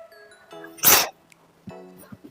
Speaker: Ever sneeze so loudly that everyone looked at you? Okay, let's find out why we sneeze. A sneeze is our body's way of saying, "Hey, something's irritating my nose."